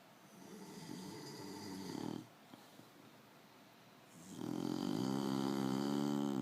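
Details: Bully-breed dog snoring: buzzing, fluttering snores on each breath with a quiet pause between them.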